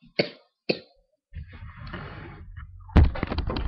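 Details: Sick person on webcam who had a sore throat since Monday and has been coughing a lot today: two short sharp coughs, then a quieter stretch and a louder harsh coughing burst.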